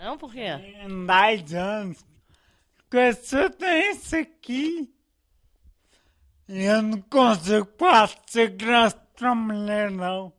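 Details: Ataxic dysarthria in a man nearly 30 with hereditary cerebellar ataxia inherited from his father, at an advanced stage; vision loss since age 3, cannot move around without help; finding: ataxic dysarthria.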